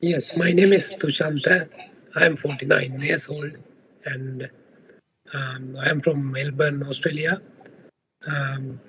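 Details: Adult man with left unilateral vocal fold paralysis on testing, recorded before voice therapy; surgery had been suggested. The voice is described as low in loudness, breathy and hoarse. Finding: unilateral vocal fold paralysis.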